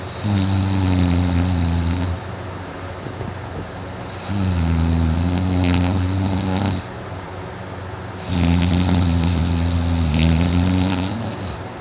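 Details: Man's heavy snoring during sleep, his throat very dry and sore before going to sleep: loud, deep, rumbling snores of about two seconds each, roughly 14 a minute, with quieter gaps; snoring that wakes his household.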